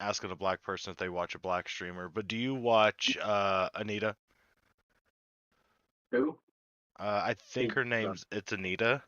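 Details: Adult male speaker, with a second brief voice; ordinary conversational speech.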